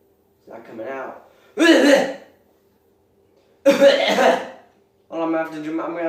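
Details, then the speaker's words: Person with something caught in the throat, also having hiccups: acted voiced throat sounds, then two forceful harsh cough bursts to clear it, after which they say they got it. "have to do my hard cough. Oh, I got it."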